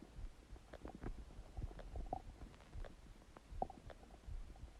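Quiet bubbling and gurgling bursts with low rumbles, ordinary stomach gurgling as gas and fluid move through the gut.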